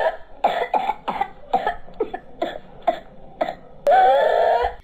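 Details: Educational lesson on whooping cough as an infectious disease; imitated run of about eight rapid coughs without a breath, then a long high noisy in-breath; paroxysmal cough and whoop of pertussis.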